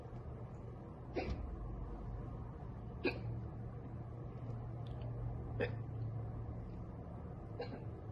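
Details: Girl with hiccups after drinking soda: four sharp, brief hiccups about two seconds apart over quiet room noise.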